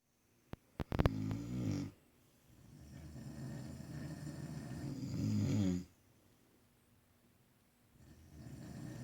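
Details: Two people snoring: after a few sharp clicks, two long cycles of loud, rattling snores on slow breaths with quiet pauses between.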